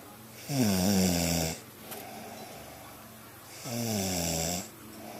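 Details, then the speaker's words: Loud, rough, rattling snores during sleep, two breaths about three seconds apart with quiet gaps, recorded on a Flip Video camcorder at 9:19 on a Sunday; snoring. "This is in case you don't believe me about your snoring."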